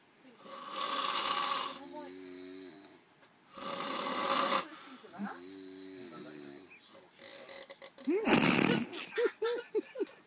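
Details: Snoring from two adult men asleep after drinking wine: loud, rough snoring with a harsh rattle on each breath in and a softer tonal sound between, other noises at the end.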